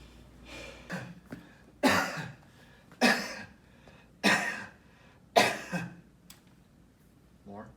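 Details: Adult's repeated cough recorded for a COVID-19 cough monitor: four loud, abrupt coughs about a second apart, with softer throat noises around them, in a quiet room.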